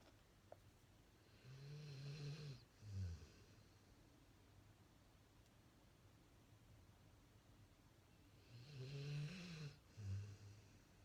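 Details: Pitbull, deeply asleep while his owner stacks Fruit Loops on his head: two slow, low rattling snores, each a drawn-in breath then a short grunt out, in a quiet room; snoring.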